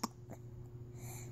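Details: A baby gives a single sharp, abrupt hiccup, followed by quiet breathing against a steady room hum; hiccups.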